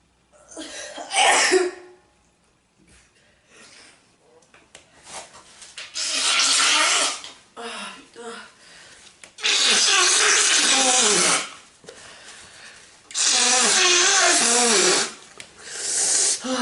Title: desperate sneezing attack